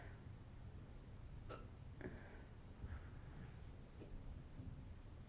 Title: Girl has cute hiccup attack